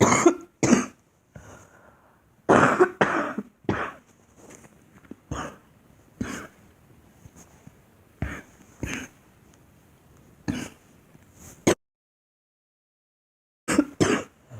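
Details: Girl giving repeated short coughs in clusters with pauses and throat clearing in a quiet room; deliberate, acted coughing.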